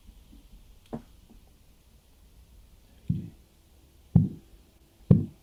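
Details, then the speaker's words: A medical student takes a patient's blood pressure: soft, low tapping Korotkoff sounds over the arm artery as the cuff deflates. "van a ver acá este estudiante de medicina está tomando en la presión a un paciente y se escuchan los ruidos de coros"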